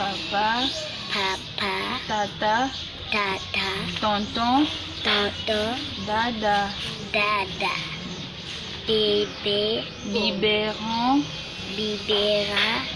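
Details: Child operated on for cleft palate, in speech therapy, repeating practice words; difficulty with high-pressure sounds (P, B, T, D, K) as air escapes into the nasal cavity; cleft palate speech.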